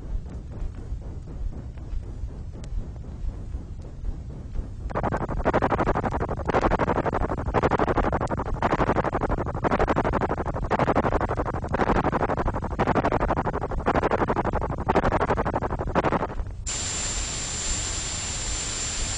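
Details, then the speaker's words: Simulated tinnitus made on an electronic music synthesizer, from 1970s RNID London research; it represents patients with moderate to very loud tinnitus. A rushing noise pulses about once a second, then becomes a steady high whistle with hiss. "some examples are presented on this tape and and they are fair representations of what the individual hears continually inside his or her head"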